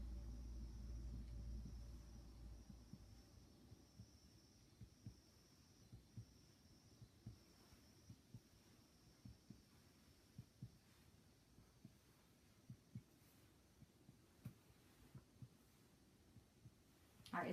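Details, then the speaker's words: Chest percussion across a patient's back while listening for resonance: repeated short, hollow taps giving a normal resonant note over the lungs. "your listening for resonance there and it sounds really good"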